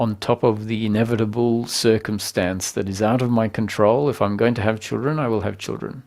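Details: Adult male speaker; ordinary speech.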